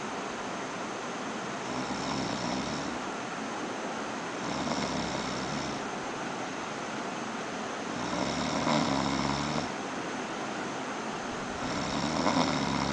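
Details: Friend snoring softly and rhythmically about every three seconds, partly masked by steady background noise; snoring.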